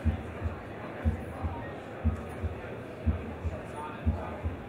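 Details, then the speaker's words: Regular paired first and second heart sounds at about 60 beats a minute from a Harvey cardiopulmonary patient simulator manikin, heard via stethoscope across the chest and timed with the carotid pulse; normal heart sounds. "so now we'll go to listening some of the various heart sounds the normal heart sounds these vary depending where you move your stethoscope across the chest appropriately they are times with the carotid pulse"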